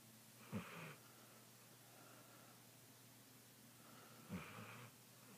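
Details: Pet dog snoring while asleep: two soft, rattly snoring breaths about four seconds apart over quiet room noise, ordinary snoring.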